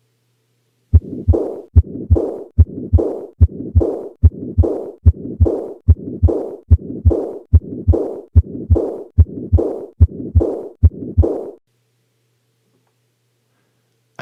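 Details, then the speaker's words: Regular heart sounds near 73 a minute, each followed by a long blowing murmur. Two superimposed murmurs: stenosis dominates at the upper sternal border, regurgitation at the apex. Combined aortic stenosis and aortic regurgitation. "so what pathology is causing this this is combined aortic stenosis and aortic regurgitation"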